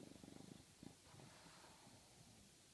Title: 2 English bulldogs snoring, with a classic lip ruffle, my virtual bulldog